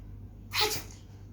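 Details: A fake sneeze done as a prank on a sister: one sharp, hissing burst of air over faint room hum.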